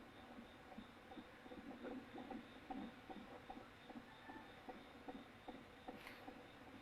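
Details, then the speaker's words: Fetal heartbeat in the second trimester, fundal height 26 cm, head down, heard on abdominal exam: rapid, regular soft thumps at about 150 a minute over a steady hiss, judged normal. "the baby's heartbeat. You can hear. Boom, boom, boom, boom, boom, boom, boom. So baby is fine."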